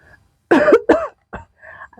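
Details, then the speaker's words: Two loud, harsh coughs and a softer third one from an adult pregnant woman, acted for a comedy skit. "ibu hamil kok batuk-batuk Padahal ibu hamil itu harusnya sehat Ini kok malah batuk-batuk"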